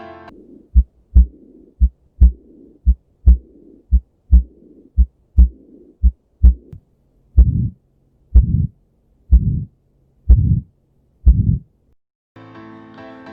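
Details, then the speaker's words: Normal heart sounds at the aortic area at about 57 beats a minute: regular paired sounds, with the second heart sound normally louder than the first. "aorta bunyi jantung dua lebih keras dibanding bunyi jantung satu"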